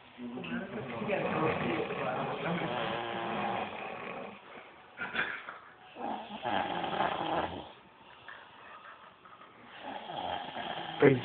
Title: snoring loud! Sleeping